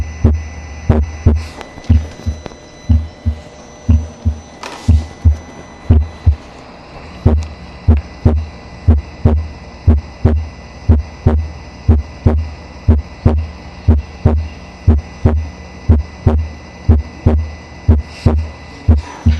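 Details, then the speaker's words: Split first heart sound, tricuspid area, timed with the carotid pulse: regular beat about 60 a minute, the first sound doubled into two close parts ("prapa"), the two parts barely distinguishable. "Ahí pasamos a escuchar nuevamente el R1 desdoblado. Entonces recuerden que el R1 desdoblado se escucha alrededor del R1, obviamente."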